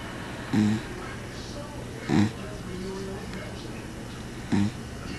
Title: cat snoring